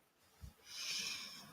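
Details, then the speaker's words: A dog snoring in the background of a livestream, faintly audible behind the conversation; snoring. "hear your dog strong yeah is that your dog snoring John can you I didn't know you can hear it"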